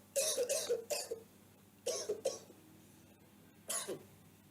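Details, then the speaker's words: Dry, non-productive coughs in short bursts, with no rattle or gurgle of mucus and no secretions mobilized; dry cough, given as a teaching example. "Como se escucha, no se moviliza ningún tipo de secreciones."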